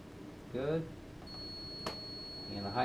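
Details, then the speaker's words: Speaker audio test on a Zoll ProPaq MD multi-parameter monitor during preventive maintenance and calibration with Fluke Ansur software: a short voice fragment, then a steady high-pitched test tone. "audio test so this will actually test the speaker right here there's three different levels low medium high"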